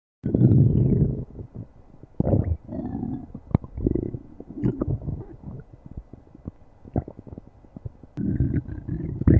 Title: Slim doc stomach growling